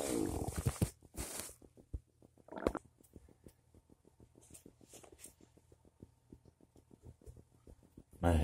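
After some louder noises at the start, a long run of soft low gurgles and pops; ordinary stomach rumbling.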